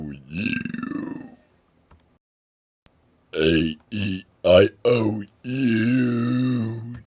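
A long voiced belch, then a series of short and drawn-out belches shaped into vowel sounds; deliberate burping.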